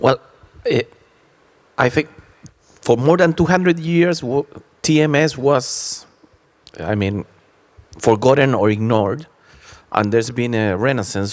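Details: Adult male speaker; typical speech.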